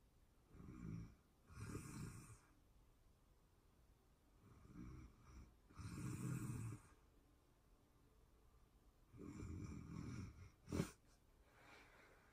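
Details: Real-time recording of a person asleep, excerpted from a longer session: soft, rough snores in paired in-and-out breaths, about three cycles, with a brief snort in a quiet room; ordinary sleep snoring.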